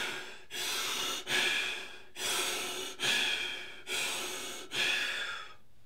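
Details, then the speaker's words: A physiology lecturer deliberately hyperventilates as a demonstration: deep, forceful, rapid breaths at about 35 a minute. The lecturer explains this raises alveolar ventilation far above what the respiratory centre sets, lowering PCO2 and causing dizziness. "Det vill säga om ni ventilerar, ni byter ut mycket, ni ökar er alveolära ventilation mycket, mycket mer än vad andningscentret här uppe säger att du ska göra."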